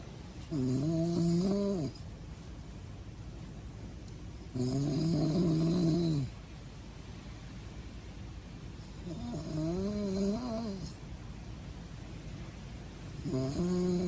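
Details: Loud, tonal snores in regular breath cycles, about four in fourteen seconds; the person recording says it is their own snoring: snoring.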